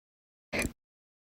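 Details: A single short, abrupt gulping burst in silence: one of a person's chronic slow hiccups.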